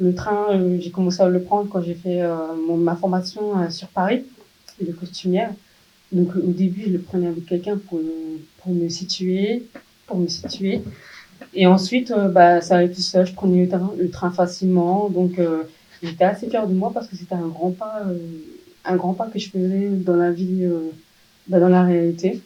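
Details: 27-year-old woman, profoundly deaf from birth, hereditary (father also deaf); wore hearing aids from primary school, recently received a cochlear implant, now in speech therapy rehabilitation; French speech of a person with congenital profound hearing loss.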